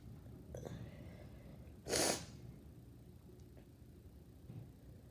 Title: Lots sneezes